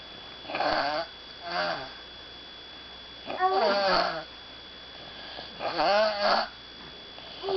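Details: Snoring that goes on all night while she tries to sleep: rhythmic snores at about 13 breaths a minute, rattling and fluttery on both in-breath and out-breath, faint steady hum behind; snoring.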